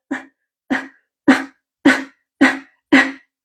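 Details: Expiratory grunting in a baby, shown as a warning sign of respiratory distress in bronchiolitis.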